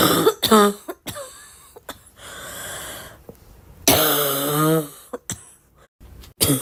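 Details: Repeated sharp cough bursts, some with voiced trailing sounds and throat clearing, separated by breaths; self-recorded plain cough, person asks if enjoying their own cough is normal.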